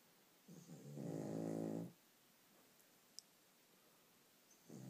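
A dog gives one long, rattling, growl-like snore on a breath in, then a quiet pause before the next one starts.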